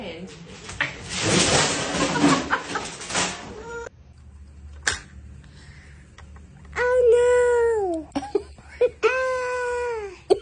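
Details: Young child crying loudly in bursts, with rising and falling distressed wails between quieter gaps, in a small room; infant cry.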